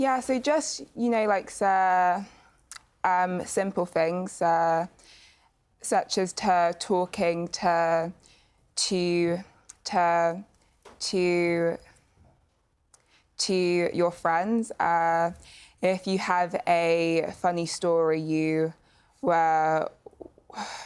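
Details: Young person who stammers, a youth panel member, with a stammer that varies from day to day; heard with repetitions and hesitations; stammering.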